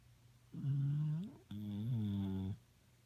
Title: My dog Ace sleep on couch snoring